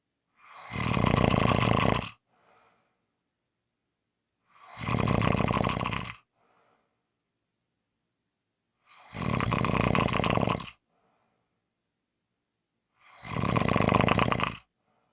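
Four loud, rattling inhaled snores about 16 a minute, each followed by a soft exhale and silence.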